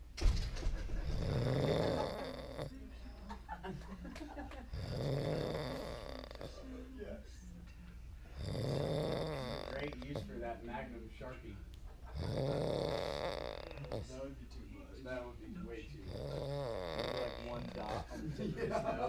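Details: Man snoring heavily on Seroquel after a night of Quil and chicken wings: loud, rough, rattling, fluttering snores on each breath in, about every four seconds, roughly 15 per minute.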